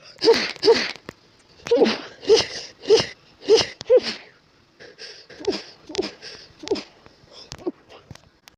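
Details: Adult woman with an itchy, tickly nose, possible allergy, sneezing at bedtime: a rapid run of about a dozen short, sharp sneezes in quick clusters.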